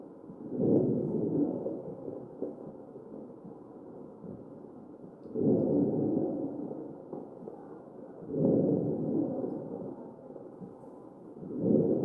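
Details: Real patient on a mechanical ventilator: machine-driven breaths about every three seconds, each with coarse rough crackling; crackles.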